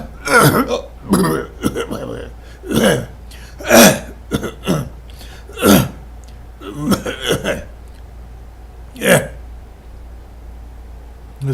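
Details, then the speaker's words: An adult's coughing fit after spaghetti sauce went down the wrong way: irregular bursts, about ten in twelve seconds, later turning to burps and hiccups. "actually order coffee fit it looks like it sounds like handsome spaghetti sauce come up and went down the wrong tube"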